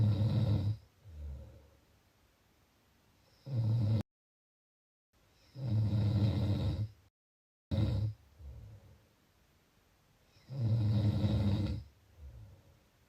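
Loud, low rattling snores on each in-breath with a softer out-breath, about four breaths in thirteen seconds, with brief cuts in the recording.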